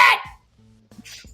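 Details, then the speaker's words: One dog sneeze: a single sharp, hissing burst that fades quickly into quiet room hum, with faint later noises. "bro are you good can you hear oh I heard it Jesus Christ buddy sneeze again"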